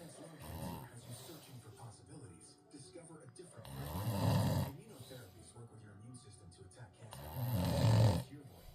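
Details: Snoring: two loud, rough snores a few seconds apart, with talk and music in the background.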